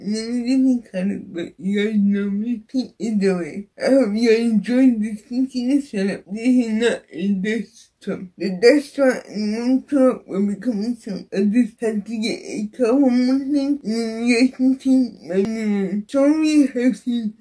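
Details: Dysarthric speech in an adult woman with cerebral palsy; no specific speech disorder is named.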